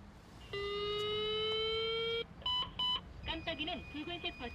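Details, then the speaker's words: AED voice prompts in Korean ("analyzing rhythm, shock advised, charging, everyone stand clear") with a steady tone then short beeps, during a simulated bystander CPR training scenario for a collapsed adult with chest pain; AED shock-ready alert tone. "심전도를 분석 중입니다 전기 충격 치료가 필요합니다 전기 충격 하겠습니다 모두 물러나 주세요"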